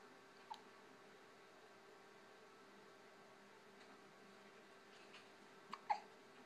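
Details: A few brief, sharp hiccup sounds from a cat in a quiet room with a steady background hum; hiccups.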